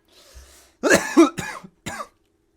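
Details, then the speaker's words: An adult gives a short run of harsh, throaty coughs right after taking the first bong hit of the day of Bubba Kush, an indica-dominant hybrid: coughing after cannabis inhalation. "i'm going to take my first hit of the day i am smoking delicious bubba kush is a indica hybrid 9010 split"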